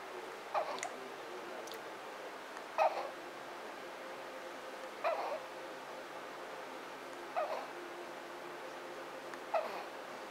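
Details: 1-month-old baby with hiccups: five small, sharp hiccups spaced about two seconds apart, roughly 27 a minute, over a steady background hum.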